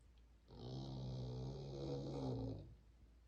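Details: One long, low, rumbling snore lasting about two seconds during a breath, from a sleeping pet; owner wonders whether bronchial medicine is needed.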